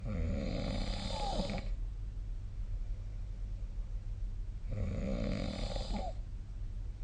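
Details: Sleep snoring: two long, rough, rattling snores on breaths in, separated by a quiet pause, over low room hum.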